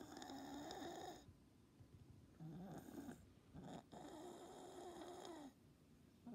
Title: Cat with stertor respiratory upper airway throat noises.not stridor